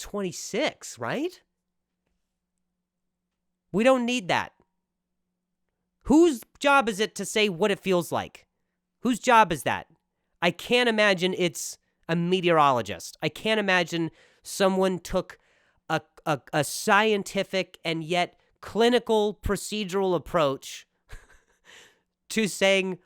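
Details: Real stuttering in an adult male comedian speaking casually on his own podcast.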